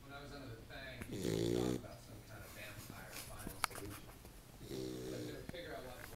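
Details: Recorded in 2007 with a Flip Video camcorder: two loud, rattling snores on the in-breath from a person, with quieter breathing between and some room noise; loud snoring.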